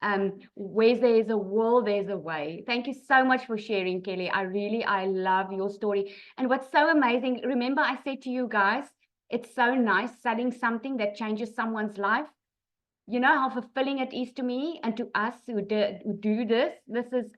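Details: Adult woman speaking; normal voice.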